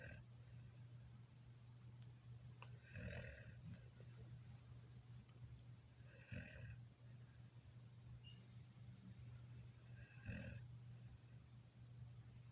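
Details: Sleeping dog making soft snorting breaths about every three to four seconds over a steady low hum; snoring.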